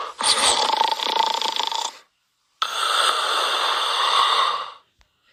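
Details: Cartoon sound effect, not real: two long, harsh, hissing snore-like sounds; snoring.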